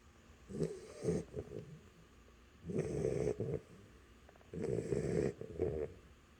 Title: Athena Snoring